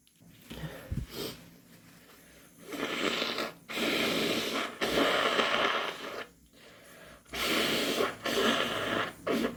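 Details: Several wet, forceful induced/hay fever sneezes and nose-blowing bursts in a row; repeated sneezing.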